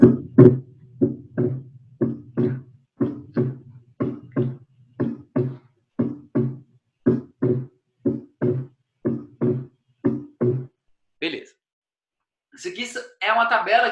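Regular lub-dub heart sounds, about 60 a minute; second sound splits on breathing in, single on breathing out; physiological splitting. Brief talking at the end.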